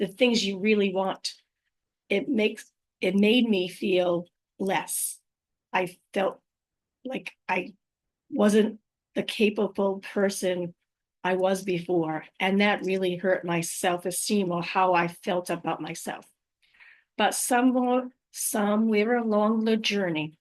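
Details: Adult woman with aphasia after a stroke, also living with apraxia of speech and dysarthria, recorded unedited on a good day, usually in the morning before fatigue; aphasia.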